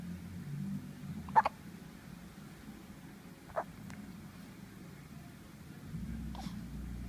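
Three soft, abrupt little hiccup sounds a couple of seconds apart over steady room hum; infant hiccups.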